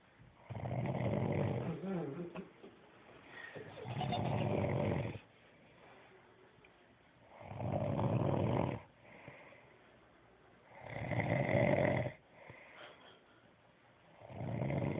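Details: Male sleeper ("he's such a good boy") snoring: loud rattling snores on each in-breath about every 3.5 seconds (roughly 17 a minute), with softer out-breaths between; regular snoring.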